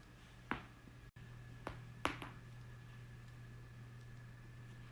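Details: A few sharp pops over a quiet room hum as neck joints crack during a manual adjustment; joint cavitation.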